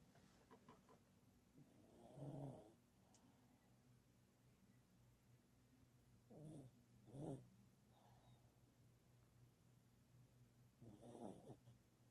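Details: Sleeping pet dog: low, rough breathing noises at irregular intervals, about 12 a minute, over quiet room hiss; snoring.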